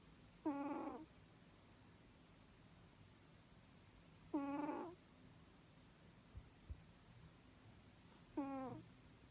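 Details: Cat snoring with a deep, growling, Chewbacca-like sound during sleep.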